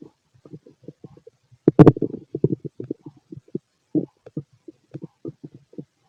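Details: Male stomach growling, loud, from a healthy digestive system: a rapid series of short gurgles and pops with one louder burst; normal bowel sounds.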